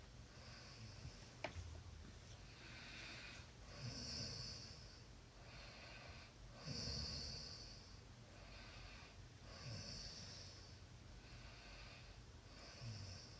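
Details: Light snoring during sleep: soft, airy snorting breaths with a slight whistle, about one every three seconds.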